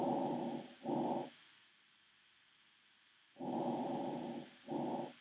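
Two soft, muffled breath cycles with low, faint airflow and a quiet pause between them; diminished breath sounds.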